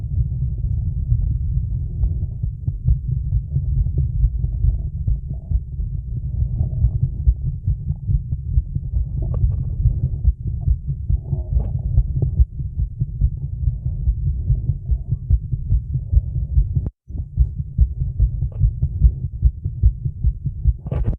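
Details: Woman's heartbeat recorded on a mobile phone while holding a plank: rapid, regular low thumps at about 140 a minute; fast heartbeat with exertion.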